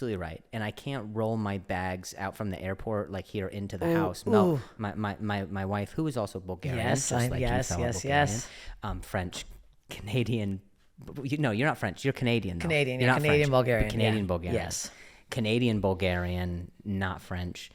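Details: Adult male comedian who stutters, speaking in podcast conversation; stuttering.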